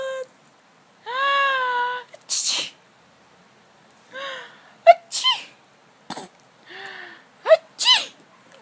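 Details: Sneezing by the mother: two or three sharp sneeze bursts, each followed by a child's high laughing voice.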